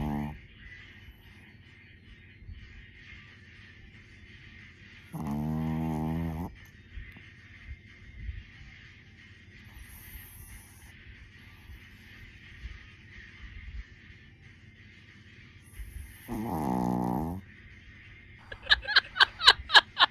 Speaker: your fur baby snores louder than you.